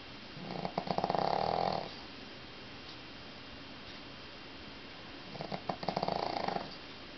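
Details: Two rattling, fluttering snores on breathing in, with quiet hiss between them: snoring.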